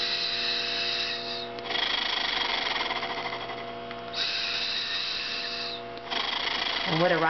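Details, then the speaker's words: 10-year-old girl with cystic fibrosis blowing through an Acapella oscillating PEP device to move mucus, varying long slow blows and quick bursts; fast buzzing flutter, oscillating positive expiratory pressure airway clearance. "is doing is she's varying the way she blows into the device so she does some long blows and slow and then she'll do some quick bursts"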